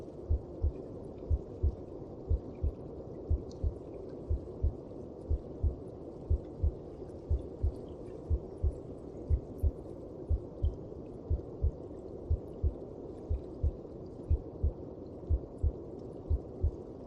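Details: Normal heartbeat heard in the mother's belly, as from inside the womb: steady, muffled, regular beats at about 60 per minute under a low whooshing hum.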